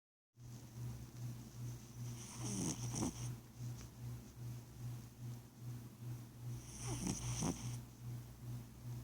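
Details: Cat snoring: steady low rumble with two louder snorting breaths about four and a half seconds apart, roughly 13 breaths a minute.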